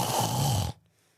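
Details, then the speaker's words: Imitated mouth snoring by an awake adult, attributed to the palate at the back of the throat: a single harsh, throaty, rattling snore on an inward breath. "Mouth snoring is the most common in terms of the palate at the back, and it goes like this."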